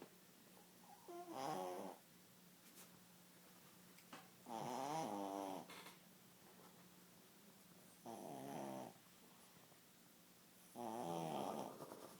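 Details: Rhythmic fluttering rattles on each breath, about 18 a minute, over a quiet room hum: snoring.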